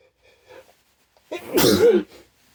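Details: Sneeze set off with a chhinkni after white pepper stuck in the nose burned and watered the eyes: faint sniff, then one loud, wet, forceful sneeze with a brief trailing exhale.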